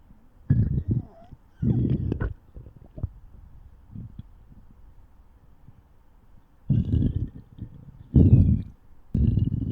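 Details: Stomach growling (borborygmi): low, irregular rumbles and gurgles with a few faint squeaks.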